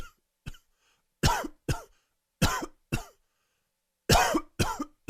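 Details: Dry and wheezy coughing fit attributed to allergies: about eight dry, hacking coughs in clusters with a whistling, wheezy edge.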